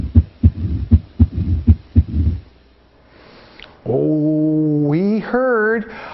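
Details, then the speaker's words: Mitral stenosis murmur: crisp, closely spaced heart sounds (opening snap) with a low mid-diastolic rumble between beats. "it's a very complicated murmur because it's a diastolic mid diastolic murmur"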